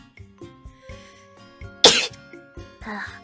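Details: Single sudden explosive sneeze-like burst over soft background music, followed by a short breathy sound; sneeze.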